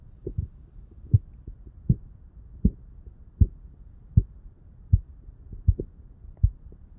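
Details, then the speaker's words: Korotkoff sounds on an adult simulated patient, heard through a Littmann CORE digital stethoscope and phone app during cuff deflation: regular soft tapping thumps about 79 a minute; reading 122/62. "i'm going to go ahead and pump it up and i'm going to show you on my phone through the echo app the sound that it makes okay so here we go a blood pressure"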